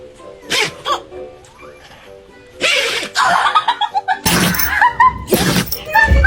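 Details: A dog gives several sharp, explosive sneezes over steady background music.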